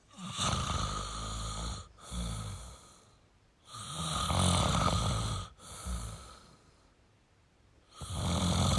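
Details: Male snoring: rhythmic rough rattling snores on each breath, about four breath cycles in nine seconds; ordinary snoring.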